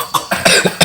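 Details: Adult coughing fit brought on by very spicy mushroom and chicken curry while eating: three or four short, harsh cough bursts in quick succession.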